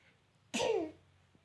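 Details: Single sharp, explosive sneeze, deliberately faked (pretend sneezing), trailing off quickly in a quiet room.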